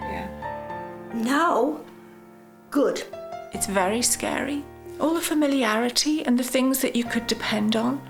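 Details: Adult woman speaking; ordinary speech.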